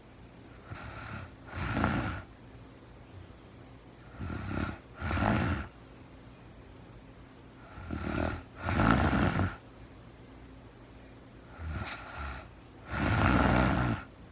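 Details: Real-time recording of a sleeping woman who was very tired: about 17 breaths a minute, each with a soft lead-in and then a louder rasping snore; snoring in sleep.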